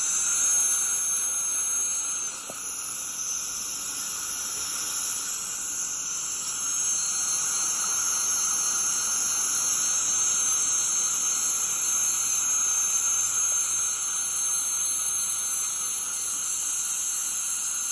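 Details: Ultrasonic dental scaler running continuously during deep dental scaling: steady high-pitched whine and hiss with water spray noise.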